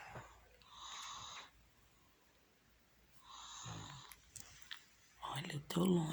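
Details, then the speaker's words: Woman snoring: two noisy, rasping breaths a few seconds apart, one with a low rumbling flutter, then a louder, harsher sound at the end. "para você ver que o ronco é normal e a gente tem que aceitar isso."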